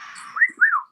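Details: Two short rising whistles over faint room noise: brief whistling vocal tic in a person with Tourette syndrome.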